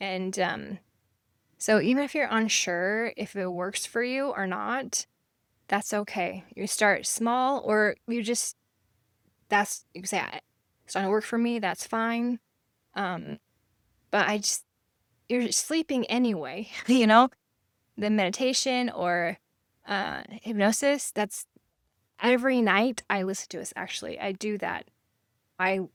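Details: Aphasia after stroke in a woman, living with it since 1999 (over 25 years); she can sometimes spell a word but cannot pronounce it or form words together; no cure, explored meditation and hypnosis.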